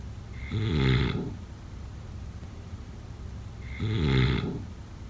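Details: Snoring.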